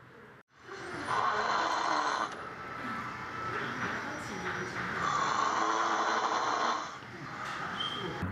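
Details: Snoring recorded by a university-age patient with a deviated nasal septum, one-sided nasal blockage and sleep apnea, later treated with septum surgery: loud, rough snoring during sleep, two long harsh breath noises over steady room hum.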